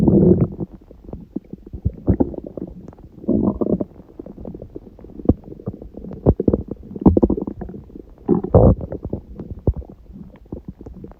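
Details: Adult's stomach growling at 1:30 a.m. after overeating udon at 19:30, the first gluten in a while. Loud, long gurgling and rumbling with bubbly pops; ordinary borborygmi from bowel gas and fluid.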